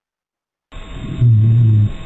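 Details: Auscultation simulator lung sounds in a teaching session: a low, snoring continuous tone swells over a rough, rumbling background, rhonchi superimposed on crackles, as in heart failure.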